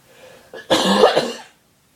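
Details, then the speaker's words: Adult woman with a dry throat: a short throat sound, then one loud, harsh cough burst with a rough tail, in a quiet room. "I'm sorry if you've gotten blasted out with coughing sounds I'm going to stop now because I'm very dry throated and it would be better if I stopped"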